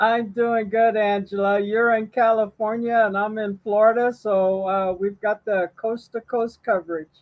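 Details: Adult speaker; Normal voice.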